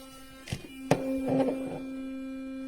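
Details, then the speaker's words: A couple of handling knocks, then a steady buzzing hum as a Philips Sonicare electric sonic toothbrush (three intensity levels, four modes) is switched on and runs. "Donc on allume trois intensités différentes."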